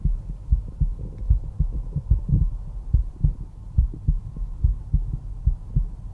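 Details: Stethoscope at the mitral area, fifth intercostal space midclavicular line: regular low lub-dub heart sounds about 72 beats a minute; normal heart sounds.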